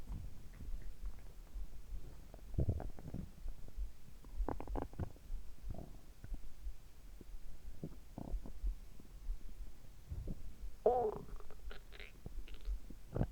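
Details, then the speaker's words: Stomach sounds recorded at the same time as heart sounds, after drinking carbonated water; frequent gurgling, bubbling bowel sounds over a soft low background, active stomach rumbling (borborygmi). "結構今日はお腹が鳴ってましたね。今日悲鳴を上げてましたね。"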